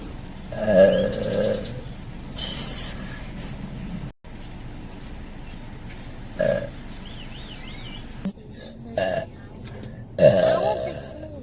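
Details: Adult woman burping: several loud, drawn-out voiced belches over steady room noise, with brief speech between them.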